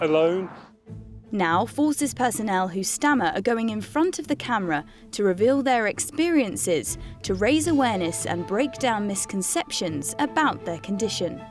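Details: Adult female narrator with background music; fluent speech.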